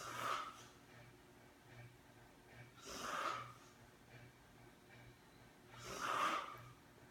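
Soft, breathy snores with a hissing edge, about 20 a minute, from a sleeping adult; quiet room; snoring.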